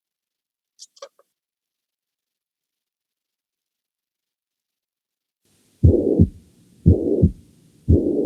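After a long silence, three heartbeats at about 58 a minute each carry a steady, blowing murmur that fills the whole of systole and drowns out the first heart sound. This pansystolic murmur is mitral regurgitation, with blood leaking back from the ventricle into the atrium.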